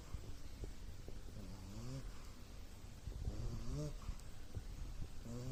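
A sleeping puppy makes soft snuffling snores with small whining, squeaky breath sounds, over steady background noise.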